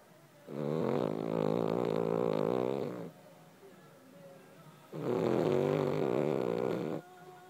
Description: Charlie has a hard life as he has to sleep and snore all day